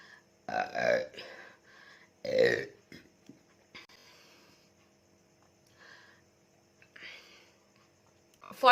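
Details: Two deep, gurgling burps early on, then quieter throaty sounds and faint background noise, during a Coca-Cola burping challenge; real belching.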